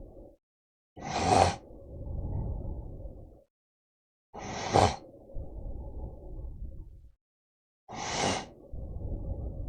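Three loud, rough breathing noises about every three seconds, each trailing into a low rumble, in a quiet room: snoring.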